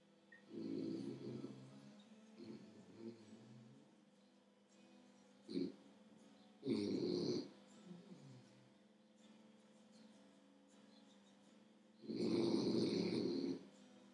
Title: Snoring frenchie